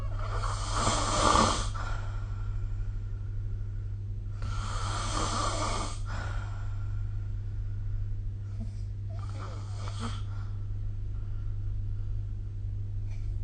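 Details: Snoring recorded with the SnoreLab phone app: two long, harsh rattling snores on the in-breath, then a softer, shorter one, over steady low room hum; ordinary snoring.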